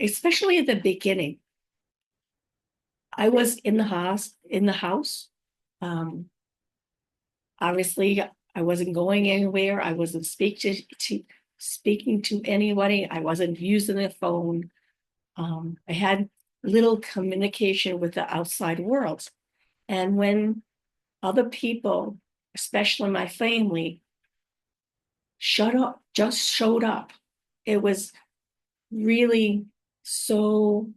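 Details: Woman five years after a stroke who says she has aphasia, apraxia of speech and dysarthria, and that her speech can sometimes be hard to understand. Aphasia with apraxia of speech and dysarthria.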